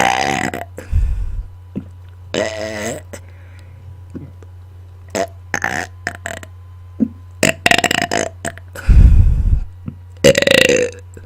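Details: Adult deliberately burping on command into a microphone after dinner: loud, deep, drawn-out belches repeated several times with short breaks; voluntary burping.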